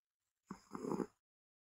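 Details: Healthy Ragdoll cat snoring loudly while fast asleep: a single rough, fluttering breath of about half a second in a quiet room.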